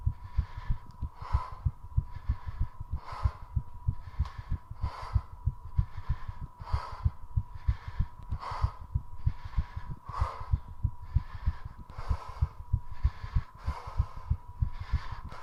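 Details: Quick regular heart thumps at about 95 a minute under loud rapid panting, from a 3:30-minute squat session with recovery that included two short breath-holds; fast heartbeat with heavy breathing after exercise.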